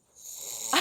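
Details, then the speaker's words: A husband's heavy snoring recorded on his wife's mobile phone: a brief, harsh, rasping breath builds in loudness and ends in a loud burst. "제 코 고는 소리 여러분들께. 오, 정말? 내 실제로 이렇게 골아 이렇게."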